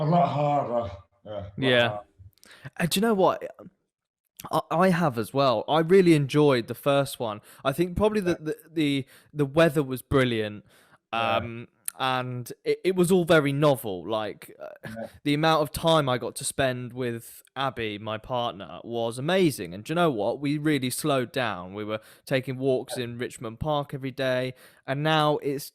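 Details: Adult man speaking; typical speech.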